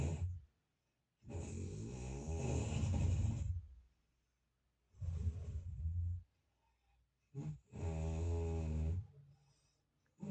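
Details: Deep, rumbling snores in repeated breaths with quiet pauses, about three in ten seconds, with a loud vibrating rattle; snoring.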